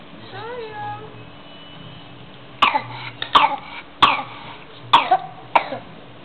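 A run of about five short, hacking coughs from a child over a steady background hum.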